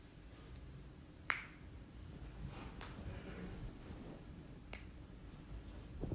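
Two sharp, snapping cracks and a fainter pop over steady low room noise, typical of joints cracking.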